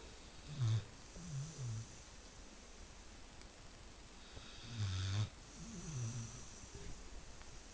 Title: Pit bull snoring